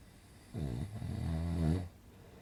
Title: Relaxing snoring sound effect - Good for Sleeping